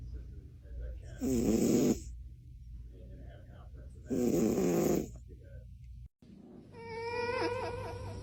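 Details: Loud rattling inspiratory snores from a sleeping cat, two a few seconds apart, then a brief squeaky noise; snoring.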